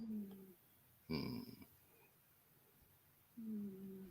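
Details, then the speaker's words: Sleeping 18-year-old cat snoring in the background. "hear the cat snoring now. Yeah, the cat is snoring now."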